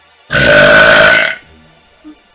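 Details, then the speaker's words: Female streamer burping: one long, loud, tonal belch of about a second, then quiet room sound; ordinary burping. "oh my gosh that was a good that was a nice burp nice bird"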